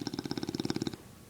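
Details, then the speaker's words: Bulldog snoring with eyes open: brief, rapid fluttering throaty rattle lasting about a second, then quiet room noise; dog snoring. "me how can you be snoring with your eyes open hmm"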